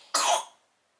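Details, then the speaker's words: Infant giving a single short, sharp cough that fades quickly into quiet, after a bad night. "Vous l'entendez un petit peu tousser là. Mais c'est pas pour ça que c'était l'enfer."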